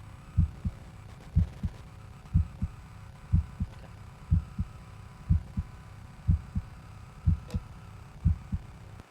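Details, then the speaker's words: Clean, regular lub-dub heartbeat at about 61 beats a minute with no extra sounds between beats, the sound of normal heart valves closing. "so this is what a normal heartbeat sounds like ldb ldb those are the valves closing so under normal conditions this sounds nice and"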